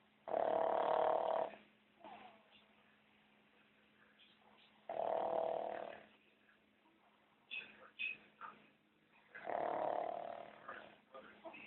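Three loud, rumbling snores about every four seconds, with softer sniffs and breath noises between them.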